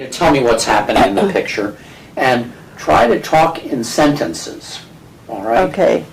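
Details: Adult examiner; examiner speech.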